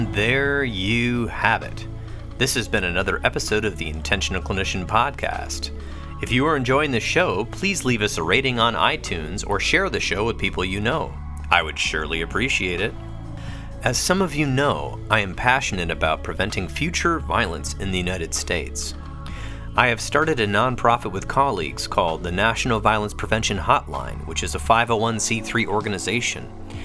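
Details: Adult male speaker; normal speech.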